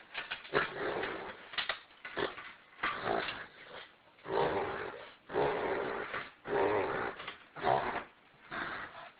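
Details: Dog reverse sneezing: repeated harsh snorting inhalations during a reverse sneeze episode.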